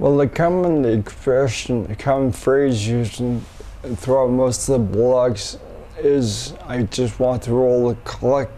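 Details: Adult man with multiple system atrophy, first diagnosed as cerebellar ataxia, after umbilical cord blood stem cell treatment in China in late 2008; speech affected, voice strength reportedly somewhat improved, sees a speech pathologist; dysarthria.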